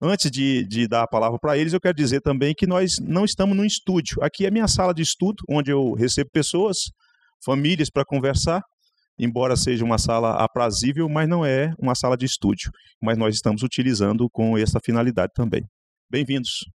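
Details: Adult man speaking; Normal voice.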